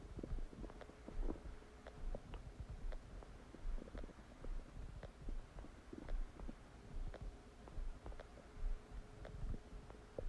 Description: Massive stomach digesting sound after eating a cheeseburger!